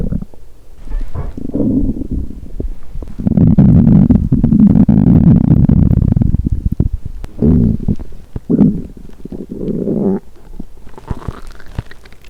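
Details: Rumbling gurgles from an empty stomach: hunger borborygmi.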